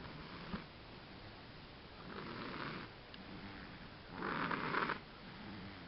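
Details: Rattling snores about every two seconds, each louder than the last, in a quiet room: snoring.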